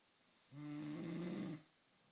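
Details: A single low, rumbling, tone-rich snore lasting about one second against a quiet background; snoring.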